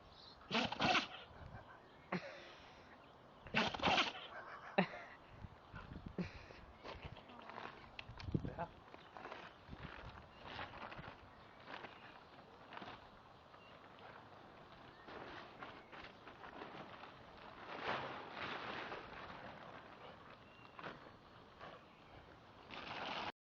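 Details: Labrador dog outdoors in a garden gives a sudden run of sharp, explosive sneezes, an almighty sneezing fit; she was fine afterwards.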